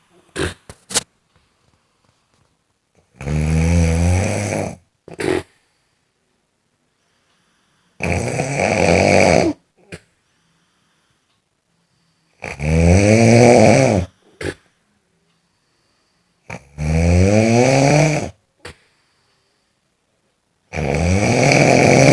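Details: Loud, rattling snores on each breath in, about 14 a minute, with quiet pauses between them: snoring sound effect.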